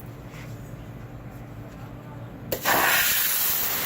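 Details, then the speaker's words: Reliable 5000CD dental lab steam cleaner (50 PSI, up to 221°F), used in an orthodontic lab to clean wax off retainers: a sudden loud hiss of steam over room hum. It gives a good amount of steam but gets weaker with continued use. "you get a good amount of steam but it gets weaker the longer you use it"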